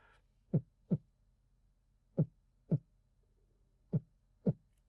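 Three paired lub-dub heart sounds, widely spaced at about 35 beats a minute, in a quiet background: slow heart rate (bradycardia).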